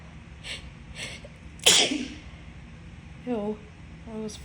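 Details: Single loud, sharp sneeze preceded by a quick in-breath, followed by brief voiced sounds in a quiet room: announced sneeze.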